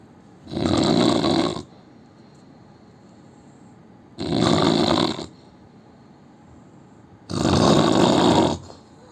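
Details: Indian man snoring in sleep; loud, rough snores with each breath in, about 18 a minute, separated by quiet pauses.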